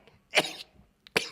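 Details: Sneezes from a male Twitch streamer: two quick, explosive sneezes in rapid succession, with a short catch of breath just before the second.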